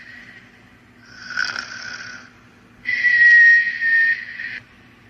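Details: Cartoon snoring sound effect (Higglytown Heroes characters sleeping): rasping inhale followed by long whistling exhale, then quiet; not a real recording.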